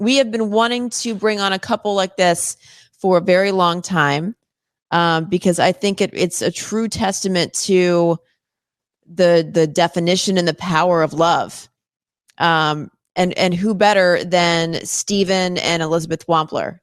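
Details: Adult woman, host speaking; normal speech.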